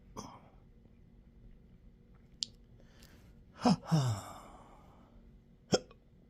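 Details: Self-recorded intractable hiccups with belching, choking spasms and developing achalasia since December 2015, now 12-hour episodes up to 7 days a week: sharp, abrupt hiccup bursts with a drawn-out belching groan between them.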